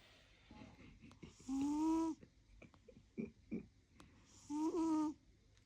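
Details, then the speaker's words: A sleeping cat snoring: two loud, buzzy in-breath snores with a soft snort between them; owner says he's dreaming; ordinary snoring. "How sweet my baby is sleeping. He's snoring."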